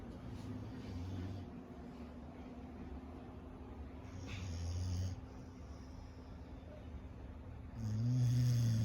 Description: Nova is an extremely active dog and very rarely goes to bed, but when she does, she is sprawled out and snoring!